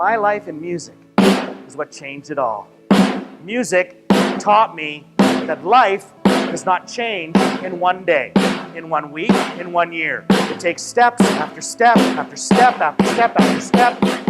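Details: Adult male speaker; normal fluent speech.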